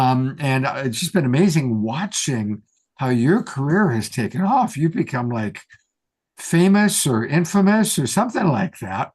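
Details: Adult speaker; normal speech.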